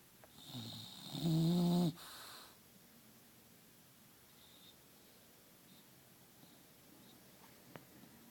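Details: Sleeping bulldog: a single loud rumbling snore, then quiet breathing and room noise; snoring.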